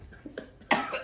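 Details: Irritant cough after inhaling flour: one sharp, harsh cough burst after a couple of faint throat sounds.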